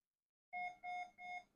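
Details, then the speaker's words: Cerebral oximeter (Medtronic INVOS) on an agitated patient picking at her sensors, left side showing poor signal quality, lower alarm limits 57 and 54: three short two-tone alarm beeps in quick succession. "so this patient is agitated and um she is starting to pick at her cerebral oximetry and pretty soon you can see that on the left it says poor signal quality and if I had the alarm on it might be"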